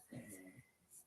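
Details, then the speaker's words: Dog sleeping underneath during a live stream gives a single quiet, rough, low snort-like snore, with faint room noise. "he busted open the door and uh he's underneath snoring this"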